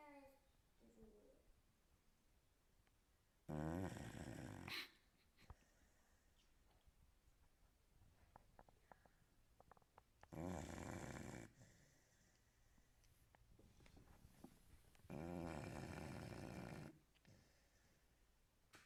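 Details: Three loud, rough snores with quiet breathing between them from Cuba, a sleeping American Staffordshire Terrier, in a quiet room.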